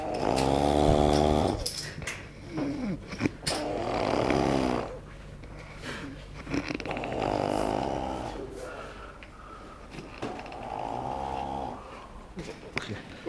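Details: Friend snoring very loudly while asleep: loud, rattling snores with a growling, vibrating quality, recurring with each breath in; heavy snoring.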